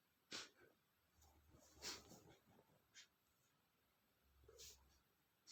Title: male sneezing #28 (I hold back with all my might, but it didn't help)